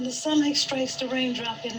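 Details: Bowed, flaccid right vocal fold before arytenoid adduction; breathy voice, quite breathy and a little high pitched.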